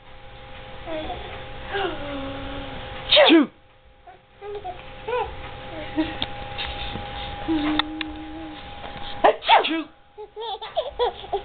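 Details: Baby laughing and babbling with two small, sudden sneezes over faint background music.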